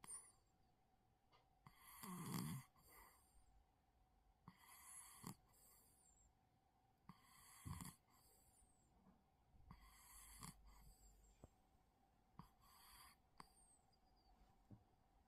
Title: Cat Snoring ❤️🔊